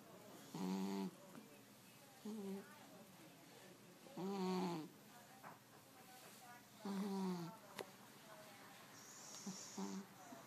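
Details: A sleeping cat snoring on a Sunday late morning: repeated nasal, buzzing snores with each breath, about five in ten seconds, over faint room noise.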